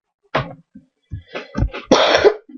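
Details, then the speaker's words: A child gives a short run of three or four dry, harsh coughs with brief gaps, in a quiet room, while saying he is a little ill; a cough. "вы слышите, я кашляю, почти чуть-чуть подболел, блин."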